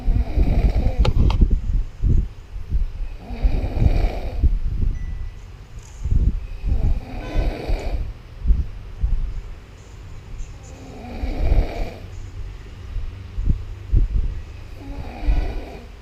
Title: One of the loudness snoring